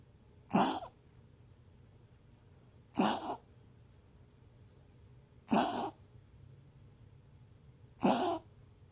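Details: Dog named Bruiser coughing while resting: four short, harsh coughs spaced a few seconds apart in a quiet room; cough.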